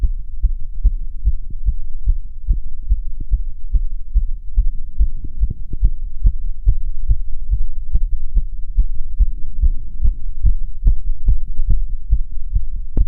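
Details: Self-auscultation of the heart while standing (orthostatic) and sitting: rapid heartbeat of roughly 140 beats per minute with clear beats and no added sounds; sinus tachycardia with otherwise normal heart sounds.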